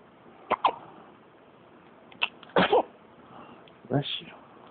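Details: Hiccups: brief, sharp, involuntary catches of breath recurring about every second.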